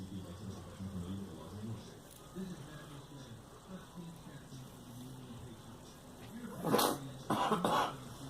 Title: Girl coughing